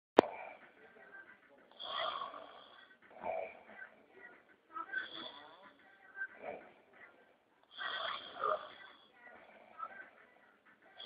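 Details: Adult man snoring loudly during sleep: about five to six loud, harsh, rattling, fluttering breaths in a quiet room.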